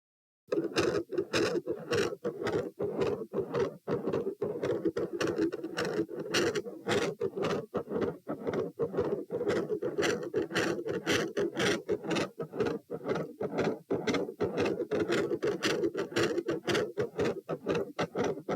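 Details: Rapid, steady heart sounds (tachycardia) at roughly 115 beats a minute, recorded at position P while moving from standing to supine; loudness dips faintly partway through, then returns loud and still fast.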